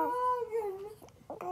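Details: Crying of a child: a brief, falling wail followed by soft whimpering sobs.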